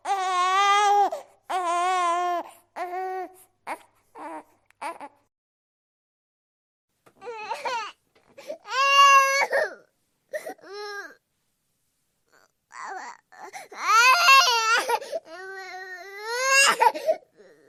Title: Baby Crying sound effect _ baby screaming and crying _ baby noises #𝙖𝙣𝙜𝙧𝙮𝙨𝙤𝙪𝙣𝙙 #babycrying